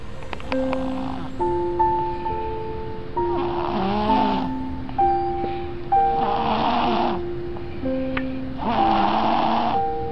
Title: Snores